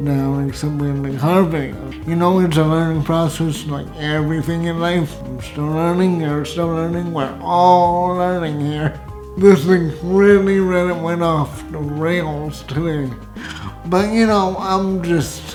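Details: Hypernasal speech in an adult man with cerebral palsy and pseudobulbar affect, who says his uvula does not rise at the back of his throat, giving his voice an overall nasal quality.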